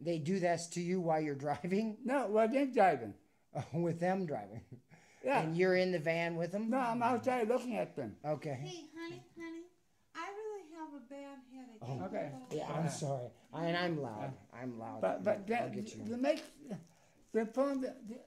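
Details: Adult and child talking; ordinary conversational speech.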